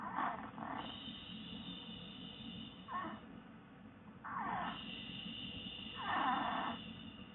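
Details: Snoring: soft rhythmic breathing with a steady purr-like rumble and a whistling tone on exhalation, over low background hum.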